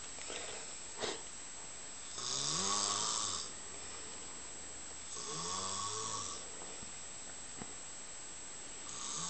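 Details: Motionless napper on a couch snoring continuously: loud rattling snores on the in-breath, about one every three seconds, with quiet gaps between.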